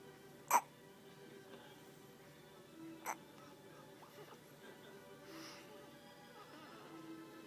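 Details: Child with hiccups that won't stop makes two sharp, brief hiccup sounds about two and a half seconds apart over soft background music; recurring hiccups.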